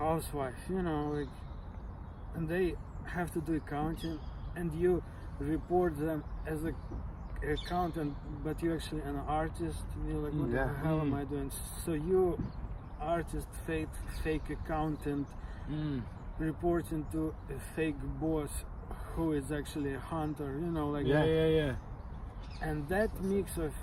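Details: Adult who stutters and who learned stuttering-modification techniques such as cancellation from a speech therapist; stuttering.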